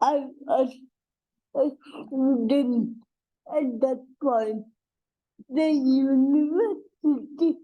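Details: Dysarthria in an adult woman with cerebral palsy, a real speaker.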